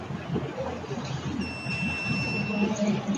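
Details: Steady high-pitched buzzer tone over background noise and faint talk from a student-built seizure alarm bracelet for epilepsy patients, which measures body temperature, heart rate and SpO2.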